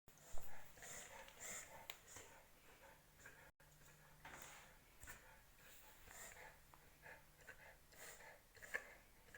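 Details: Reverse sneezing in a dog: repeated rapid, snorting, honking inhalations during a reverse sneeze episode.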